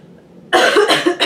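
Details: Two or three quick harsh coughs in a row after quiet room noise from an adult woman with a cold, coughing while talking; cough.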